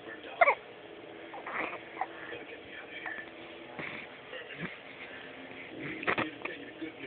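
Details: Baby with hiccups, as usual; hiccups.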